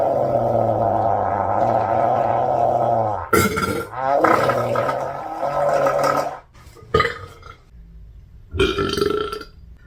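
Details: Girl volleyball player burping: a long, deep, drawn-out belch, then a few shorter burps; ordinary burping.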